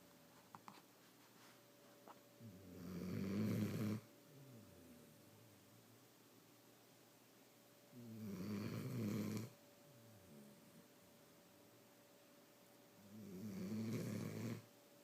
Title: Hilarious loud snoring dog.